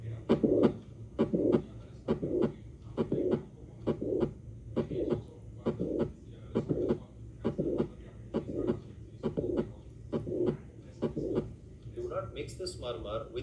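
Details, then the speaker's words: Regular heart sounds near 67 a minute with a mid-systolic click, from undue stretching of the chordae tendineae, followed by a late systolic murmur from defective leaflet coaptation; mitral valve prolapse. "endings of these patients where the first one is going to be midsystolic link which is due to the undue stretching of the cordate DNA and subsequently there would be a late systolic murmur due to defective coaptation of the bal reflex."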